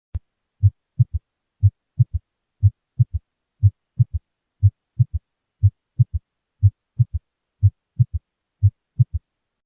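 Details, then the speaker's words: Physiologic third heart sound, very low frequency (25–50 Hz), heard with the bell at the apex, louder with the patient on the left side, in a normal individual: regular heartbeat at 60 a minute with a soft gallop after the second sound. "a third hearthstone is here on occasion in normal individuals with no cardiac pathology"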